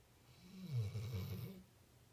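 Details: Female snoring loudly: a single low, rumbling, fluttering snore on one breath in a quiet room; snoring.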